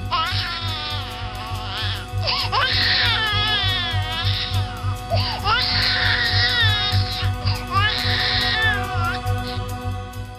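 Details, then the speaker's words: Baby crying, played as an example of emotionally expressive, non-monotone sound: loud infant crying in repeated bursts with strongly rising and falling pitch over a steady background hum. "that style that's a baby crying is the baby sound monotone to you there's the baby center like it's suppressing its feeling"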